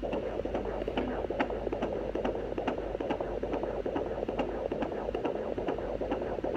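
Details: Pregnant woman using a home fetal Doppler on her abdomen to find her daughter's heartbeat: rapid, rhythmic whooshing beats at about 140 a minute over a steady hum; fetal heartbeat.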